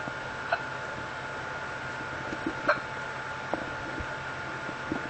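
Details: Hiccups at night after eating many spicy foods at dinner: several brief, sharp, irregular gulping clicks, about four or five in five seconds, over steady room noise, in a poor-quality recording.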